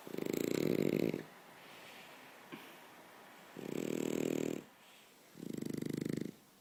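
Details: A French bulldog snores as he falls asleep. Snoring.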